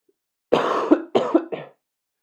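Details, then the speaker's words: Adult man, a podcaster who says he is sick, gives a short run of three or four harsh coughs recorded close in a quiet room; cough. "don't leave one cough in so that the people it's the people can hear that i'm sick don't edit it out don't edit that out"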